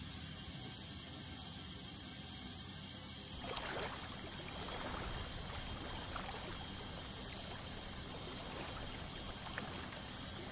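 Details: 25-year-old male's teeth during dental scaling: an ultrasonic scaler removing tartar makes a steady high hiss and whine with water spray and suction noise.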